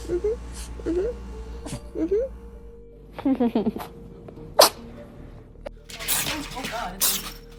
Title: Cat sneezes #cat #catshorts #funny #funnycats